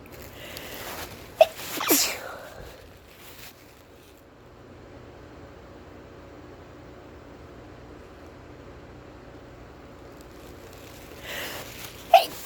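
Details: Self-induced sneezing by a person feeling stuffy: two sharp sneezes about ten seconds apart, the first preceded by a short inward breath, with quiet room noise between them.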